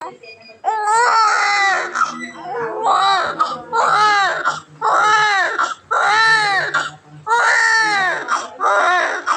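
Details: Sound-effect recording of a newborn crying loudly in repeated wailing bursts with short breaths between them; normal vigorous newborn cry.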